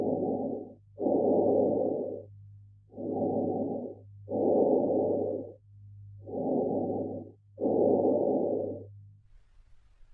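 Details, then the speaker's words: Teaching example of bronchial breath sounds over the trachea and main stem bronchi: loud, harsh, high-pitched, hollow breathing, with expiration longer than inspiration and a silent gap between phases. "Bronchial breath sounds are harsher, louder and higher in pitch than vicular sounds. They are often heard over the trachea and main stem bronchi."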